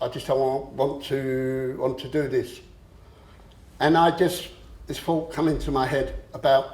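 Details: Adult man with a long-standing stammer who used to swap words and later controlled it with a breathing technique; stammering (stuttering).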